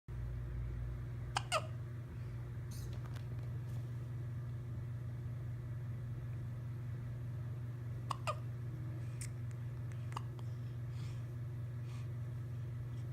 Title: Newborn hiccups with pacifier